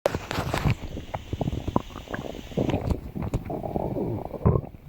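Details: Gurgling, bubbling rumbles and squelches in irregular runs from a person's stomach; stomach growling (borborygmi).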